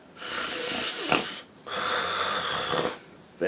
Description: This is just skit about how stop people from snoring.